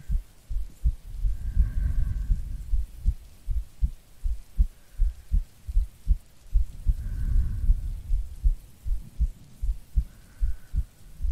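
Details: Regular soft heartbeat, about 78 a minute, with slow breathing, from an ASMR creator playing a sleepy girlfriend, recorded as a sleep aid with rain in the background; normal heartbeat.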